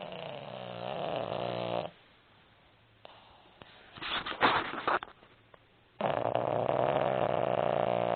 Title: Otis the Pug Snoring